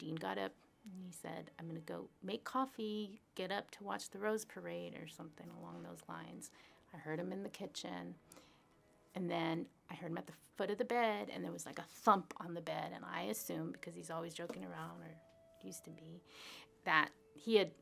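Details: Adult woman speaking; normal speech.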